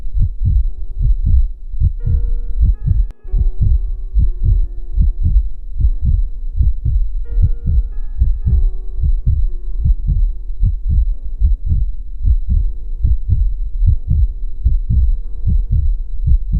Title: Battement de coeur ! Heartbeat sound ! rythme cardiaque - Pulsations !